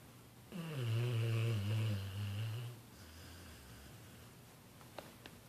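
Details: Snoring while sleeping, tired after the New Year fireworks finally stopped: one long, low, rumbling snore on an in-breath, then quiet breathing and a couple of faint clicks.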